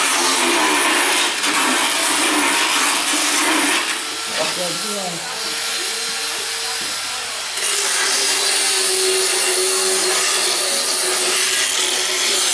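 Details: Loud, steady grinding motor whine with rasping: a motorized power float files the teeth of a horse during routine veterinary equine dental floating.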